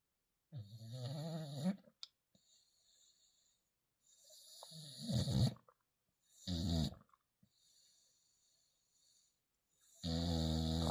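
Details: Loud, rattling snores with soft breaths between, about 11 a minute and uneven, from a sleeping pit bull/bulldog puppy trying to sleep; snoring.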